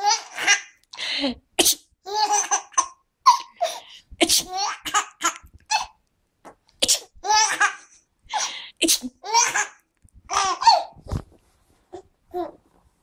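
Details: Baby giggling at sneezes: several sharp sneezes, each followed by the infant's bursts of giggling laughter.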